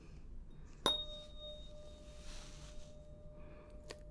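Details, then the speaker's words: A sharp strike, then a clear, steady ringing tone as a tuning fork is placed at the centre of the forehead for lateralisation (Weber-type) testing, in a simulated ASMR ear and hearing examination role-play. "Okay, so first we'll start with me putting the tuning fork right in the center of your forehead. And you just let me know whether you hear the sound more on the left, the right, or in the middle."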